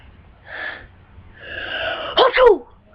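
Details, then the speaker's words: Deliberately provoked sneeze while trying to keep eyes open: two rising in-breaths build up to one loud, sharp sneeze burst; a single ordinary sneeze. "just probably can just tickle my nose until I sneeze, and just sneeze with my eyeballs open. Try my best to keep my eye open."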